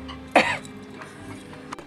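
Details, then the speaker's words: A single short, sharp adult cough, acted as a demonstration of coughing down and away from others, with faint background hum. "kevin knows that if he needs to cough or sneeze and he doesn't have anything to cover his mouth the best thing he can do is cough down and away from other people"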